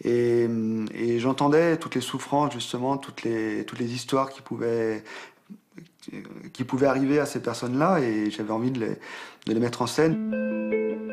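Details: French-speaking adult man who has stuttered since about age 5–6 and has seen a speech therapist; he calls himself a masked stutterer who hides it in public; repetitions are heard; stuttering.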